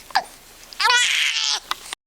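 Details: 7-week-old baby boy, angry at his hiccups: abrupt, brief hiccup clicks with short fussy cries between them; infant hiccups.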